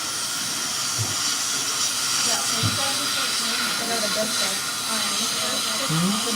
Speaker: The upper bridge work is cemented now and has been all cleaned up. And make some minor adjustments to his occlusion.